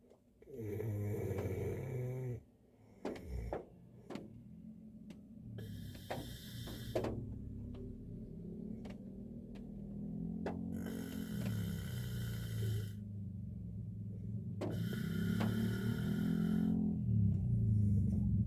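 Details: Korean man snoring while asleep in a car on a snowy day: deep rattling snores with soft hiss of snow or rain and occasional knocks.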